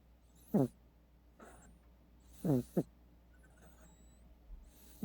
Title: 고양이 코고는 소리 / Snoring Cat Sound